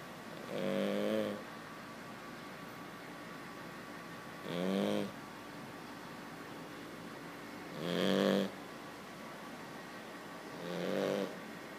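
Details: Cavalier King Charles spaniel puppy snoring quietly while asleep, which is quieter than usual for him; four soft buzzing snores about every three to four seconds, roughly 17 a minute, with quiet pauses between; snoring.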